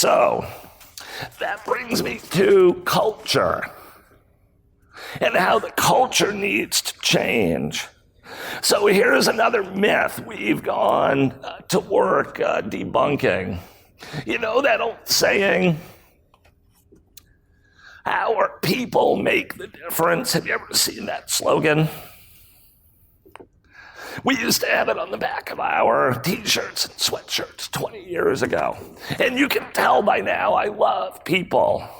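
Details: Adult man with spasmodic dysphonia, a rare voice disorder acquired in 2010, in which his throat muscles spasm and contract when he talks; spasmodic dysphonia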